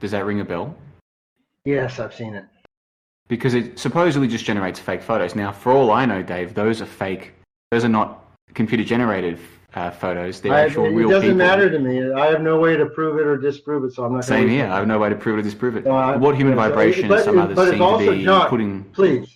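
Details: Adult male speakers in casual conversation; typical speech.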